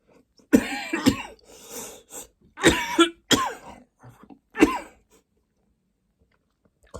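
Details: Four loud, harsh coughs in short bursts with brief throat sounds between, in a quiet small room; persistent dry-sounding cough in a person tired of coughing nearly nonstop all day, at bedtime.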